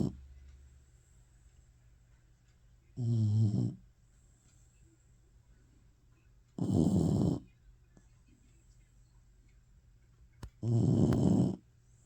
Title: Maddie snoring